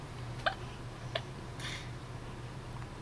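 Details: Baby's hiccups: two faint, sharp little squeaks about 0.7 s apart over a steady room hum. Parents say they are normally louder, have lasted about 5 minutes, and the tired baby wants to sleep.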